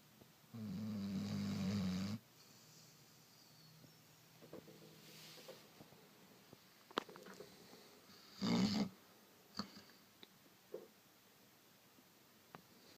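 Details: Two low, rumbling inspiratory snores separated by quiet breathing and small sounds: snoring in a sleeping dog.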